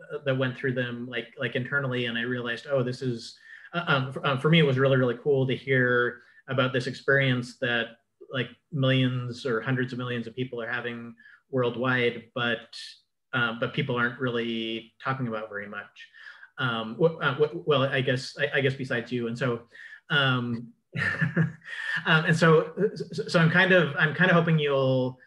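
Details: Adult man with cluttering, with repetitions of words or phrases, interjections, revisions and telescoping (dropped sounds and syllables), especially when talking fast; cluttering.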